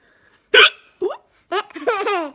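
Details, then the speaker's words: Mother and baby both have hiccups at once: sharp voiced hiccup bursts followed by laughter and infant vocalizing. "We've both got the hiccups at the same time."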